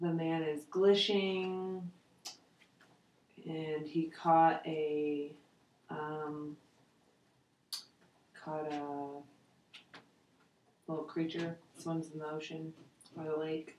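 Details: 72-year-old man with aphasia after a stroke in July 2003, with bilateral sensorineural hearing loss, doing a picture description in Western Aphasia Battery-Revised testing; word-retrieval difficulty; aphasia.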